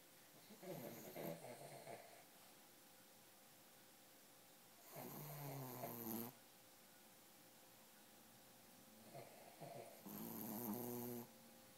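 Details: Snoring during sleep: slow, rumbling snores with each breath, a breath-in and breath-out noise about every five seconds, over a faint steady room hum.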